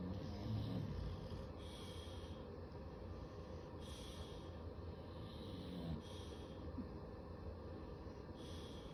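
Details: Two bulldogs sleeping and cuddling together after a long day: continuous loud, low, rough snorting and snoring with overlapping breaths over steady room noise.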